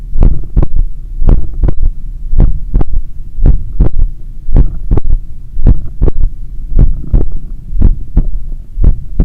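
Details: Loud heartbeat with third heart sound (S3), self-recorded after an 8 km run with the stethoscope at the point of maximum impulse over the apex, while heart was still recovering from the run.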